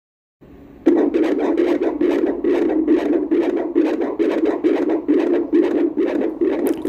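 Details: Fetal heartbeat on Doppler: rapid, regular whooshing pulses around 136 beats a minute, normal range.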